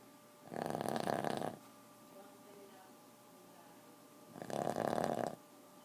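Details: 4-year-old Boston terrier asleep, keeping owners awake: two loud, rough, rattling snores about four seconds apart with quiet breathing between.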